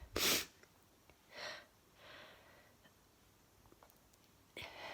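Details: Adult in a sneezing fit of unknown cause despite an air cleaner, tired and bloated all night with a painful left hand: a sharp, explosive sneeze, softer breathy bursts, then another sneeze starting.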